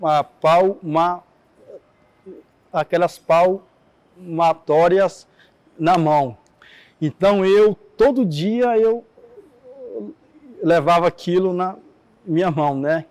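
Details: Adult man who stutters, Portuguese speech; stuttering.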